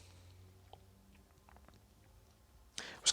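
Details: Endoscopic microsuction of difficult, impacted dry ear wax in an adult woman who felt blocked up and had used cotton buds; room hum, faint crackles, then a sudden loud suction hiss as wax breaks away.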